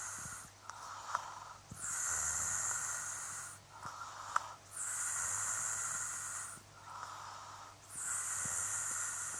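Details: Sleeping adult fiancé, hissing, snorting breaths roughly every three seconds, with short rattly catches between them; loud snoring.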